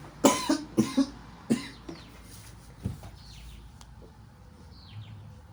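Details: Gamer coughing after smoking kief during a game, a burst of about five harsh, forceful coughs in quick succession, then quieter throat noises: a coughing fit.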